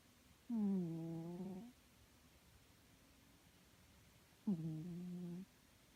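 Two drawn-out, voiced snores from a sleeping cat, about a second each, with quiet breathing between them.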